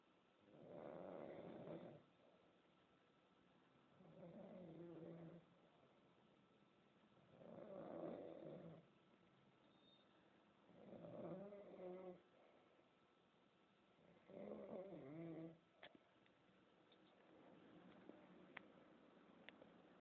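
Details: Father snoring: rhythmic rattling snores on each breath in, about 18 a minute, with quiet gaps between.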